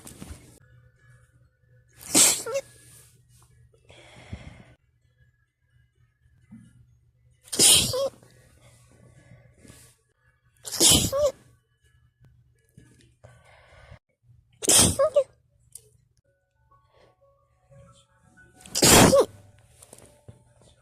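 Five forceful sneezes in quick succession over about twenty seconds, a sneezing fit, in a quiet room.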